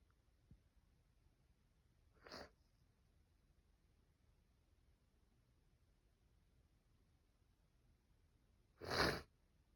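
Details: Female with a cold, itchy nose and ongoing cough, sneezing: two sharp, sudden sneezes in a quiet room, the second louder.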